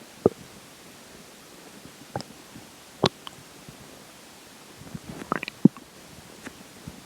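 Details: Scattered short gurgles and pops over a quiet background during the stretch where water and air take effect; normal bowel sounds during digestion.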